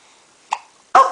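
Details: An infant makes two abrupt, brief throat sounds, the second louder, fitting ordinary hiccups, while Dad talks to him.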